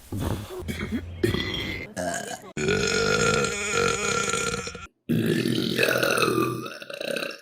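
A run of loud, drawn-out belches, one after another with brief breaks between them.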